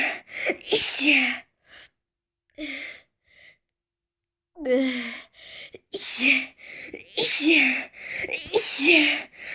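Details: A person who says they are allergic to flowers sneezing: a run of sharp, hissing sneezes, several back to back with gasping breaths in between.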